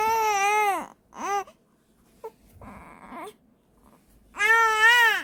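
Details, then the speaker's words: Infant crying during an episode of hiccups while wearing a hat meant to warm the head and stop them; a parent urges her to cry louder. "더 크게 울어야지."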